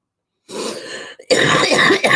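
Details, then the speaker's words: A throat clear followed by a harsh cough from a speaker apologising that she still has the cough. "come on sorry guys I've still got the cough"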